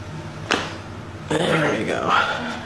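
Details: Sharp pop then rustling as a chiropractor adjusts the upper thoracic spine (around T2–T3) during manipulation; joint cavitation, normal release sound.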